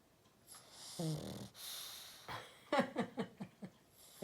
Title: Just a snoring pug!